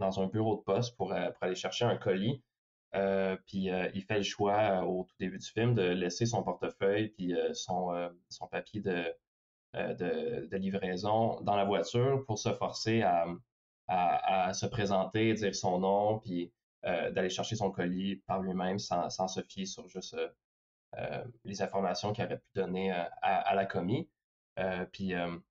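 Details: Young adult man who stutters, speaking French, reporting mostly silent blocks and sometimes short repetitions, especially when saying his name; stuttering.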